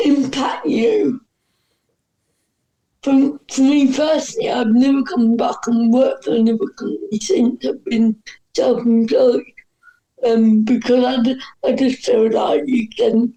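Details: Dysarthria in an adult woman with cerebral palsy, which is stated to affect her voice; she says her disability is audible as soon as she speaks.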